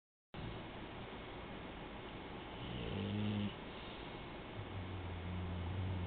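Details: A little girl snoring while asleep.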